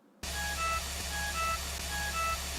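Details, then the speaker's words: Philips EV300 (Trilogy) ventilator giving a repeating pattern of high electronic tones over a low hum, its high-priority alarm when the breathing circuit disconnects during ventilation. "अगर ventilate करते करते कभी अगर हो सकता है circuit निकल जाए तो फिर आपको एक हाई प्रायोरिटी अलार्म मिलेगा।"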